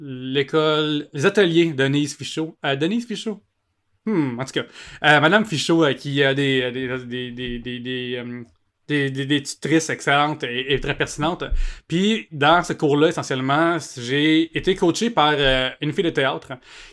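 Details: Cluttering in an adult man, a comedian, who only learned as an adult that speech therapy exists for cluttering; it is often mistaken for stuttering.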